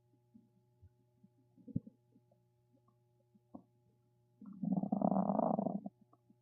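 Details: Soft scattered gurgles, then a long bubbling rumble lasting over a second; stomach rumbling (borborygmi).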